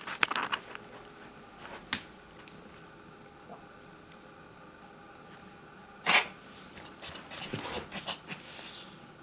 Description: Peanut coughed repeatedly for several days before stopping. Anyone know what it might have been?